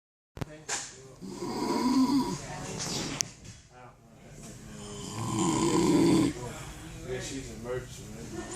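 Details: Snoring: loud, rough, rattling snores on breathing in, about 15 breaths a minute, with quiet room sounds between them.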